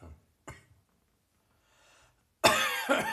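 A few short, dry coughs: two soft clearing coughs, a breath in, then one loud harsh cough.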